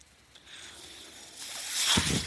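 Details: Breath from a podcast speaker's own mechanical ventilator, heard while he talks: mechanical ventilator breath cycle.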